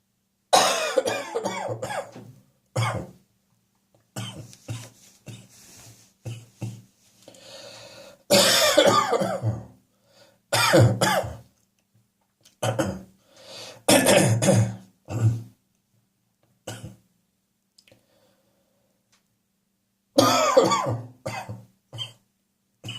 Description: Woke up this morning full of catarrh - probably due to a combination of the damp English summer and a slight over - indulgence in beer the previous evening.